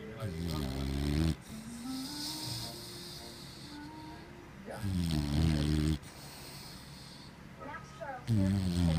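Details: Male white Boxer dog snoring loudly while asleep.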